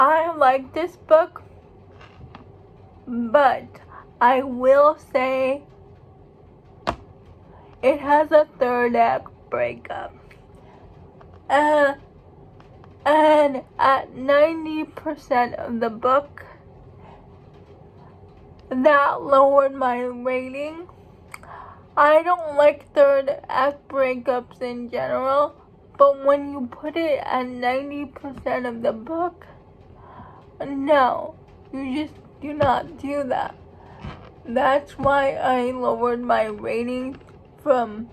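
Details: Female speaker who states she has cerebral palsy, real condition; speech in cerebral palsy (mild dysarthria).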